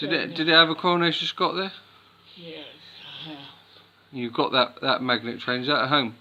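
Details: People talking in a small room; conversational speech.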